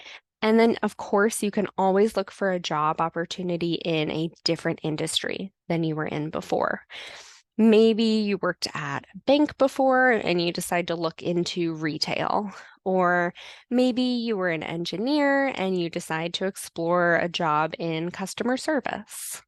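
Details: Adult woman speaking; typical speech.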